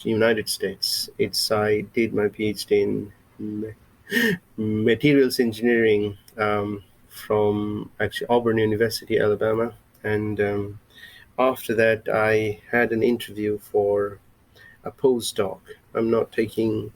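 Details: Adult male with lifelong stuttering since he began speaking, mother also stutters; a recovering stammerer using breathing techniques from a stammering recovery course and a speech synthesizer for lectures; stuttering.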